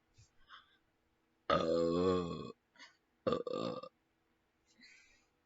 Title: me burping